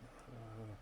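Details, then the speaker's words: A sick-looking young child's single low, hoarse, barking cough, the seal-bark cough of croup, shown in an EMT pediatrics lecture. "here's that seal bark cough that's what i'm talking about that's that creepy seal bark cough uh you can't miss it"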